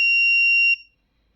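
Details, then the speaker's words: Single steady high-pitched buzzer tone under a second from a home-developed apnea monitor, sounding when the pressure sensor detects no breathing for about 15 seconds during a deliberate breath-hold demonstration; apnea alarm. "If I stop breathing in five in 15 seconds, it will it will uh so you can see that the the line the red line it's not detecting any uh any pressure. So that should turn on the uh the buzzer."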